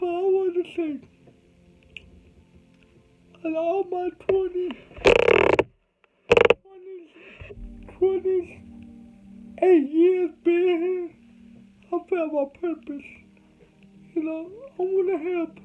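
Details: Adult man with cerebral palsy, told he would never talk: dysarthria (cerebral palsy).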